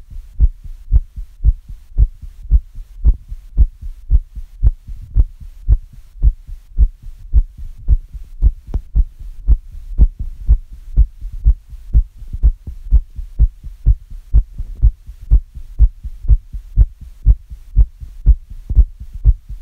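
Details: Recorder's own heartbeat, pounding after listening to very fast heart sounds: steady, quick, low thumps at about 120 a minute, a mildly fast heartbeat (tachycardia).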